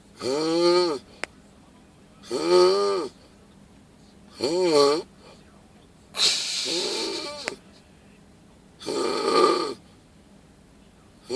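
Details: Bear snoring: five loud, groaning snores with rising and falling pitch, about 29 per minute, separated by quiet gaps.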